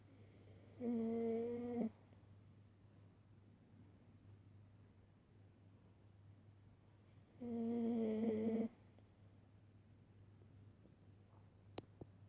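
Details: Animal asleep on a blanket in summer 19: two drawn-out, tonal snores about six seconds apart over steady low room hum; snoring.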